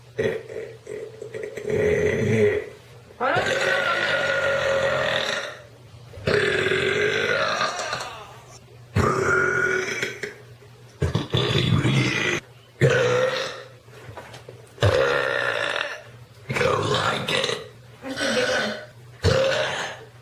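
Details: Burp compilation: a run of about eight long, loud, voiced belches separated by short pauses, some lasting over two seconds; burping.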